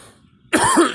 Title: me coughing